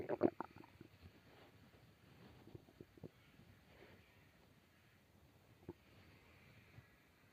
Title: Stomach growl